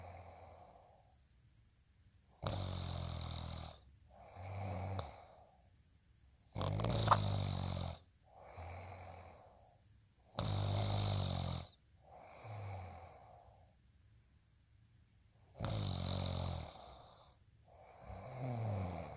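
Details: Loud, rough snores on each in-breath with quieter breathing out, roughly 13 breaths a minute, in a steady pattern; snoring.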